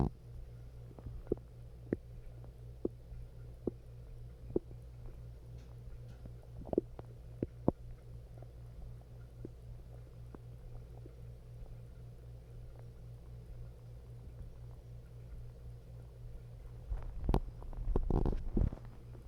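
Scattered gurgles and soft pops over a low steady hum, then a louder rolling rumble near the end: stomach growling from an upset stomach.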